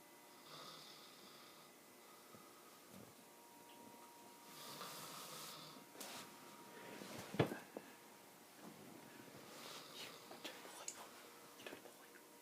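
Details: Person sleeping, light snoring: soft, noisy sleep breathing with a sharp snort partway through, in a quiet room.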